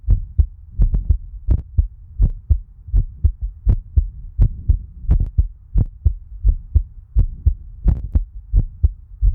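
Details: Heartbeat recording from a person whose eye is infected and swollen: regular low paired thumps at about 86 beats a minute with a steady hum behind; normal heart sounds.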